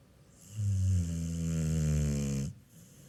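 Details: Snoring during sleep: one long, loud, low snore with a steady buzzing tone on the breath.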